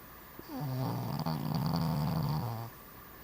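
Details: Cavalier King Charles Spaniel dog snoring while asleep: one long, low, buzzing breath of about two seconds with a rattling flutter, a single snore.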